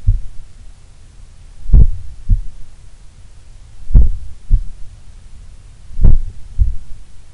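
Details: Person's own heart recorded while relaxing in a sun room, the lowest resting rate they have recorded: low paired heart thumps spaced widely apart, about 28 beats a minute; a slow, relaxed resting heartbeat.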